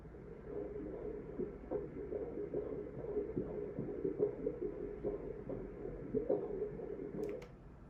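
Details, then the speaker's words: Rapid, regular whooshing fetal heartbeat at 137 beats a minute, called normal, during a 34-week pregnancy ultrasound of a baby girl estimated at five pounds one ounce. "play a little flatter for a second this is heartbeat"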